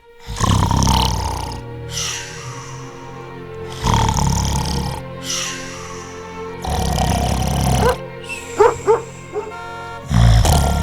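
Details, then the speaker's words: Acted imitation of heavy snoring in a woman, illustrating snoring and obstructive sleep apnea: loud, rough, rumbling snores roughly every two seconds over background music. "that that's the sound of my wife getting a terrible night's sleep and being too tired to help around the house tomorrow"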